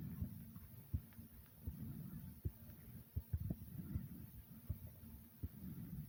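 Quick, low chest thumps under loud, rushing breaths; a normal racing heart and hard breathing after exertion.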